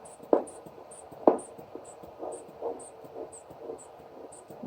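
Faint pulsing Doppler swooshes at about 64 a minute over steady hiss, fading as the cuff inflates; normal arterial flow signal during ankle pressure measurement.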